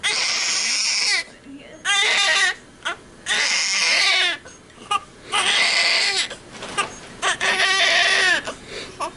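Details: Loud, high-pitched bursts of crying with brief gasping pauses, a vigorous cry from a newborn girl just after birth, following a 4-hour labor with epidural.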